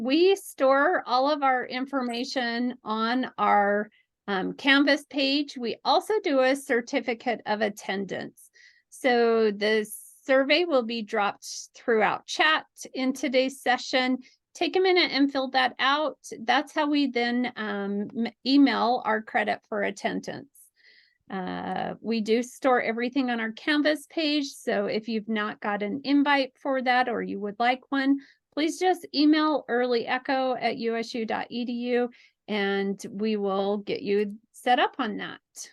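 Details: Adult woman; normal speech.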